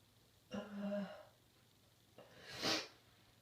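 A voiced intake 'ah' followed by a sharp, hissy burst: a single sneeze in a quiet room.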